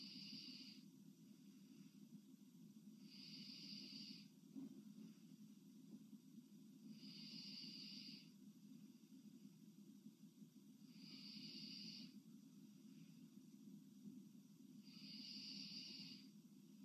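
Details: A sleeping girl breathing heavily in sleep: slow, loud, hissing breaths about every four seconds, roughly 15 a minute, over steady room hum.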